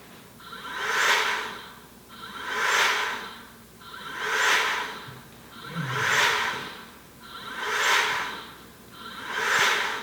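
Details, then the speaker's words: Open-loop proof-of-concept CPAP ventilator blower with no closed-loop sensor feedback, driven by field-oriented control via an evaluation kit and MOSFET stage into a homemade lung simulator; rhythmic whooshing about 35 cycles a minute with steady motor whine. "this has currently no closed-loop feedback to any sensors just shows the operation of the blower"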